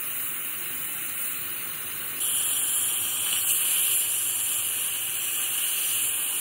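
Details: Steady high-pitched hiss and spray of a dental scaler with water during a professional teeth cleaning; the patient is a dental hygienist who had not had a cleaning in a while.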